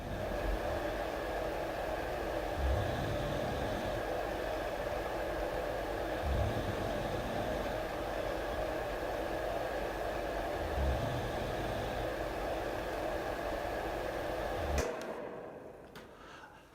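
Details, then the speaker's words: Adult's snoring and deep breathing masked by a Marpac Dohm white noise machine on low setting across the room, recorded overnight by Sleep Cycle phone app a foot from the head: steady whooshing with three faint low snores about every four seconds. "This sound snippet was recorded by the Sleep Cycle app on my phone. I use the app to monitor the quality of my sleep and it provides me samples of snoring that occur during the night."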